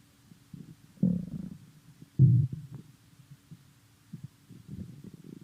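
Low gurgling rumbles come in irregular bursts, two louder growls among softer bubbling, typical hunger-related bowel sounds (borborygmi) from an empty stomach.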